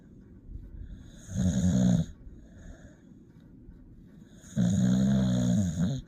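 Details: Tired sleeping puppy snoring with two loud, rumbling, buzzy breaths in a quiet room.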